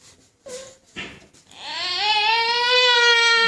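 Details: A few short whimpers build into a sustained, high-pitched wail; an infant crying.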